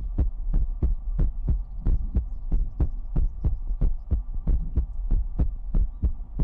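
Steady, regular lub-dub heartbeat at about 92 beats a minute, with low thumps over a soft background hum.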